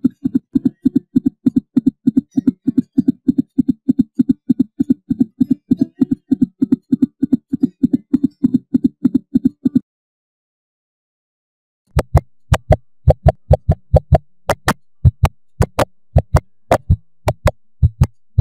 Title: Animal Heart Beats